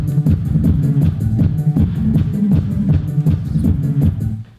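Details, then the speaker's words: Simulation for children's hearing-risk show of what a person with hearing damage and tinnitus hears: muffled dance music with thumping bass and almost no treble, no high frequencies; simulated high-frequency hearing loss. "fade, hein, le son est étouffé. Il n'y a plus d'aigus."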